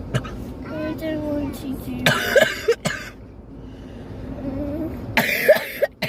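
A couple of sharp, explosive sneeze bursts follow a breathy lead-in, set off by a nasal swab; a reflex sneeze.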